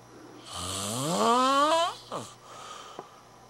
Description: A college student caught snoring...